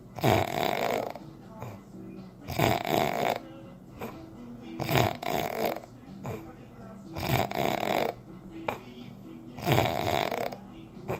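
Loud, rough snores recur about every 2.3 seconds, roughly 25 a minute, with quieter breathing between them; ordinary snoring.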